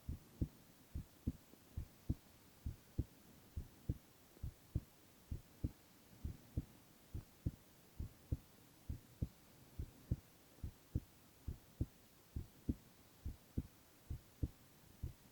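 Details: Silent ASMR recording of a male's continuous heart sounds: steady, regular lub-dub at about 68 beats a minute with a faint low hum; normal heart sounds.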